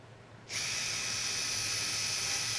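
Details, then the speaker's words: High-speed surgical burr on bone at the lateral mass screw starting point during navigated posterior cervical spine instrumentation, creating a resting place for the drill guide: after brief quiet, a sudden sustained high-pitched whine. "I'll typically take the high-speed burr at my starting point to create a favorable resting place for the drill guide, which we have set to 24 for a 35 24 mm screw."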